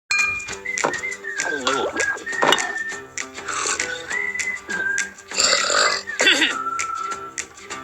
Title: jeff and fuse and newt all burping oddbods